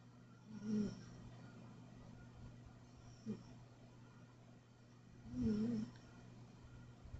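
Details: Tabby cat gently snoring while asleep: soft low snores, two longer rumbling ones and a brief snort, over steady low room hum.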